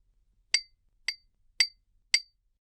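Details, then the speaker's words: Roleplayed (simulated, ASMR) tuning fork hearing test in a patient with a week of headaches and nausea and muffled right-ear hearing; four bright ringing clinks tapped by the left ear first, each fading quickly. "I'm going to tap this class by your ear and I'd like you to tell me if the sound is different in each ear and how first in the left ear"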